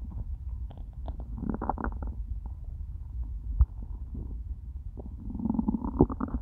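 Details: After eating nothing all day, the stomach growls loudly with low, gurgling rumbles rising and falling; stomach was starting to hurt by the end of recording; hunger borborygmi.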